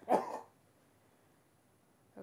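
One strong, deliberate cough, then quiet and the start of a softer second cough: a voluntary cough to clear residue after swallowing.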